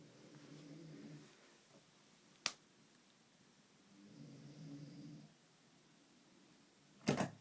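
Two low, rough breath sounds a few seconds apart in a quiet room, with clicks between them: snoring during sleep.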